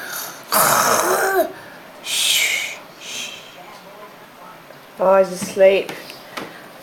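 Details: A child deliberately imitates snoring, making rough, noisy snore-like breaths in and out while trying not to laugh, ending in giggly voiced sounds.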